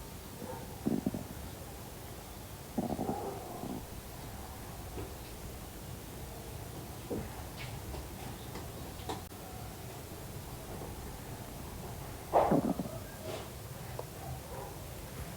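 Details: Male: several low gurgling rumbles from the abdomen over a quiet background; ordinary stomach growling (borborygmi), a normal gut sound.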